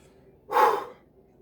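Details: Single short, breathy gasp, a sharp rush of air lasting about half a second, right after double-chugging two 12 oz cans of diet Dr Pepper.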